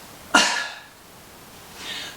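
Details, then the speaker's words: Therapy demonstration of airway clearance: after a huff, a 3-count breath in through the nose and then one strong, deliberate cough to clear phlegm from the throat, followed by a soft out-breath. "And if this is the case, try and breathe in again for a count of 3 and take a big cough."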